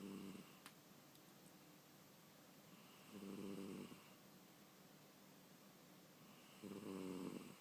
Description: Selbbin the cat snoring